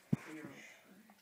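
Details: Hiccups.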